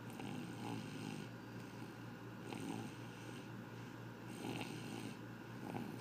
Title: snoring